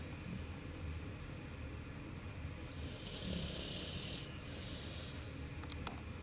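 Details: American Bulldog snoring during sleep: low rumbling snores over steady background noise.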